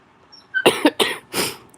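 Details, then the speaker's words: Adult still sick after more than a week, livestreaming: three quick harsh, slightly wet coughs during a respiratory illness. "I picked the worst day to go live cuz I'm sick still. It's been over a week."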